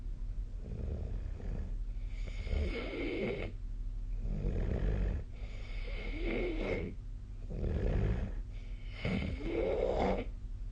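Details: Repeated low, rattling snores during sleep in a steady rhythm with each breath, over faint steady room hum.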